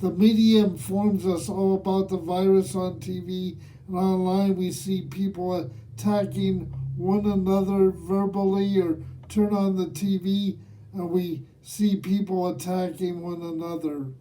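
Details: Man aged nearly 67 who has lived with cerebral palsy; dysarthric speech in cerebral palsy.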